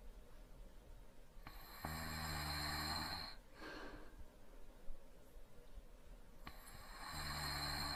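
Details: Light snoring sound effect from a sleeping subject: two soft, buzzing snores on inhalation separated by a quiet exhalation, in a light sleeping rhythm.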